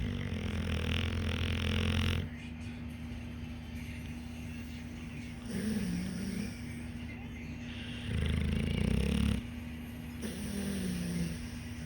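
Loud, low, rough rattling noises recur with breathing against a steady background hum, typical of snoring.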